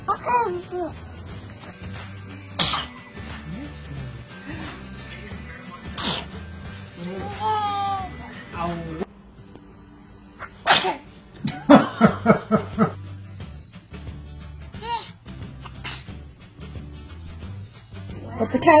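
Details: Small children make several short, sharp sneeze-like bursts over steady background music and chatter; sneezing.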